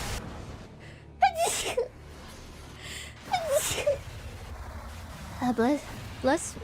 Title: made the cutest sneezes ever~♡